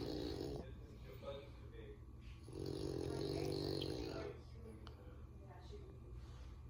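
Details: Low, rumbling, snorting breaths from a French Bulldog sleeping on a couch, with room noise; snoring.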